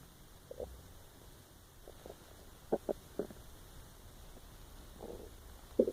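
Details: Empty-stomach growling recorded while trying to sleep: quiet gurgles and short squeaky bursts over a steady low hum; normal borborygmi.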